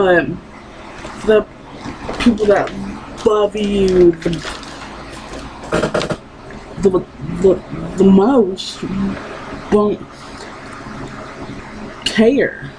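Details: Woman with lifelong stuttering that persists despite therapy; she recalls being unable to say her own name.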